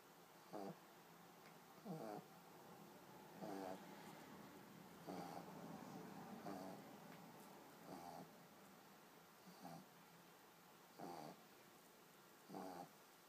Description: Adorable baby pug sleeping and snoring